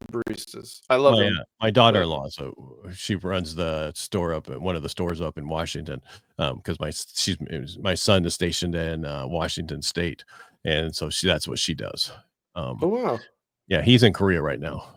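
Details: Adult man speaking; typical speech.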